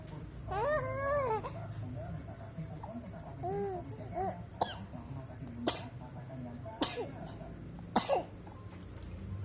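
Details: Babbling baby learning to vocalize makes several short, sharp pretend coughs between vocal sounds in play; a voluntary imitated cough.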